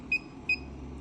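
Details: Two quick, high-pitched beeps less than half a second apart from a therapeutic ultrasound unit's buttons as it is set for the low back, at 1 MHz continuous with intensity going to 2.0, the patient lying on their side.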